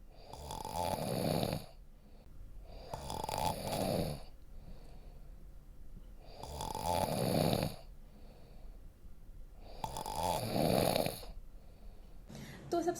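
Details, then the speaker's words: Four loud, rattling inhaled snores recurring about every three seconds, near 18 breaths a minute, with quieter exhalation between; snoring. "इस वजह से खर्राटों जैसी आवाज आती है।"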